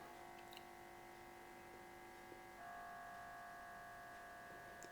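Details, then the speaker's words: MRI scanner noise as heard by a patient inside the scanner, which may cause patient anxiety: loud, steady electronic droning with a pitch shift partway through. "es lo que escucha un paciente dentro del resonador Así que no olvidemos que esto puede producir mucha ansiedad en los pacientes"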